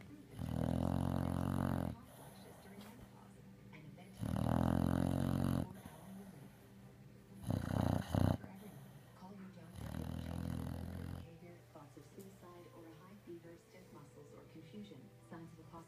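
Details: Sleeping dog: loud, rattling snores on inhalation, four in about fifteen seconds, with quiet breathing between; snoring.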